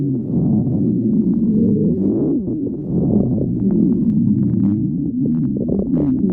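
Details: Stomach growling; borborygmi.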